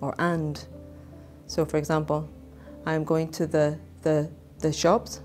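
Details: Voluntary stammering (word repetition) deliberately demonstrated by a speech therapist, who slowly repeats a little word ('the the') as a desensitization strategy for people who stammer.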